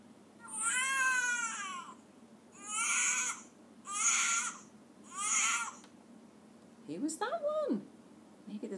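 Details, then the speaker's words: Baby crying sound played in a children's phonics listening game: four short, high-pitched infant wails separated by brief pauses, then a brief vocal sound. "What was it? Yes, it was a baby crying, wasn't it?"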